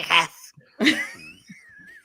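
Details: Sneeze by an adult man indoors: a sharp noisy burst, then a second louder voiced burst fading into a short tail.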